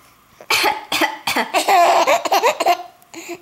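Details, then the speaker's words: Cat coughing: three short, harsh hacking coughs, followed by a baby's bright, bubbling laughter. "为什么猫咪咳嗽这么好笑？"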